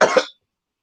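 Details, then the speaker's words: Adult man coughs while smoking from a bowl: a single short, harsh cough burst of about a third of a second, then silence. "He just made me fucking cough. I was hitting my damn bowl and he said that shit."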